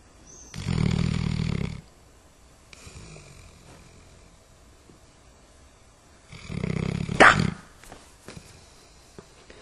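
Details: Dog snoring: two loud, rough, rattling snores on breathing in, a few seconds apart, with quiet breathing between them.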